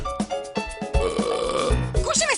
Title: Burps big